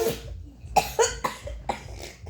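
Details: A quick run of five short, harsh coughs in about two seconds, sputtering like a motorcycle engine revving.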